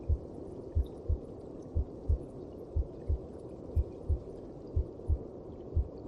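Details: Heartbeat heard inside the mother's belly: slow, regular low paired thumps, about 60 beats a minute, over a soft muffled rushing background.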